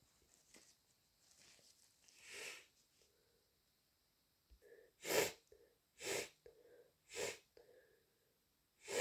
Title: Day 3 of my cold - Tired sneezes and snotty blows